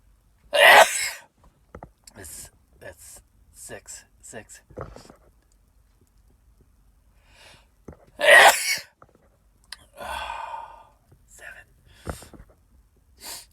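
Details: Two loud sneezes separated by quiet breathing, sniffs and short murmurs; repeated sneezing.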